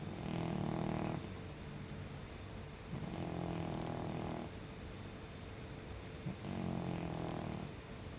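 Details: A senior male cat sleeping: soft, rhythmic rattling snores on each breath, about three breaths in eight seconds, over a quiet background hum; snoring.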